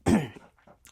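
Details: Single brief, harsh throat-clearing cough from a man who believes, without doctor confirmation, he has Tourette syndrome; nervous cough tic.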